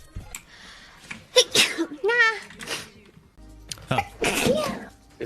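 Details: A VTuber sneezing: a sharp sneeze burst, then a rising voiced squeal and a second sneeze-like burst over background music.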